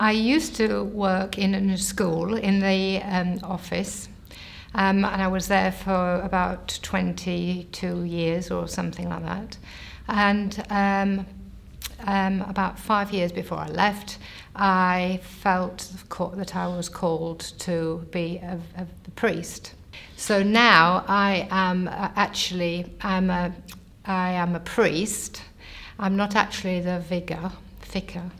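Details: Logopenic aphasia, a form of dementia, in an adult woman; a paraphasic word error occurs.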